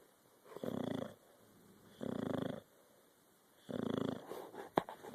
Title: Maggie snores